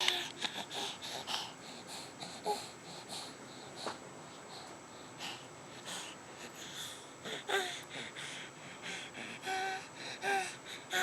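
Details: Baby recovering from bilateral vocal cord paralysis/dysfunction, with vocal cord nerves recovering and no medication used, starting to vocalize and talk; infant vocalization recovering from bilateral vocal cord paralysis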